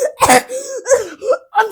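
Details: Several short, harsh cough bursts from an adult, separated by brief voiced catches of breath in a small room; the recorder suggests 2× playback speed.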